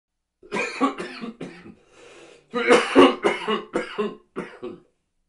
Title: COUGH SOUND EFFECTS SELECTIONS #cough #health